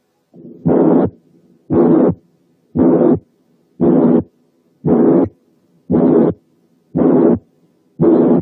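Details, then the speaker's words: Regular loud rasping murmurs at about 58 a minute: a harsh systolic murmur with a grating quality. "وعشان نقدر نابريشيت الكواليتي دي كويس، تعالوا نسمع مثال من هارش ميرمر، يعني فيها خروشة."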